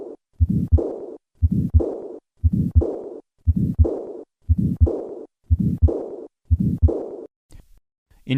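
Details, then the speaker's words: Moderate to severe aortic regurgitation: the diastolic murmur first, then an added systolic ejection flow murmur from the large stroke volume, peaking in the first half of systole without significant aortic stenosis. "This murmur typically peaks in the first half of cy in the absence of significant aortic stenosis. I will begin with the diastolic murmur and then add the ejection murmur."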